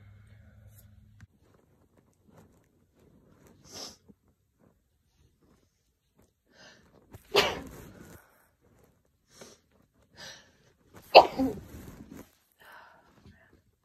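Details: Sneezing during a cold, triggered by chhinkni snuff poured into the hand and sniffed to test relief of cold symptoms; quiet sniffs, then two loud explosive sneezes seconds apart with faint exhalations, followed by nose clearing.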